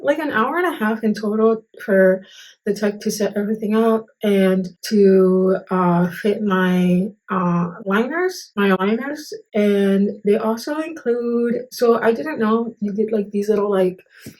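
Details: Adult woman with Moebius syndrome who reports long-standing difficulty articulating certain sounds, recorded the day after being fitted with Invisalign clear aligners; articulation difficulty in Moebius syndrome.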